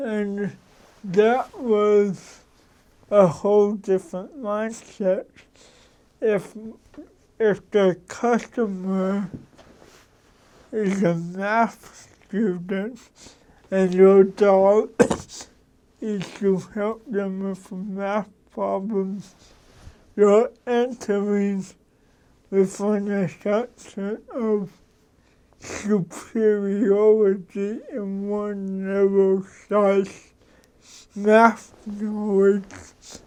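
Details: Dysarthria in cerebral palsy in an adult man who describes his mental capacities as sharp.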